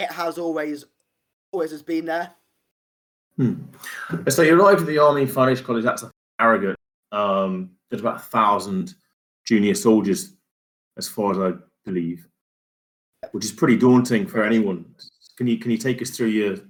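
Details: Adult male speaker; typical speech.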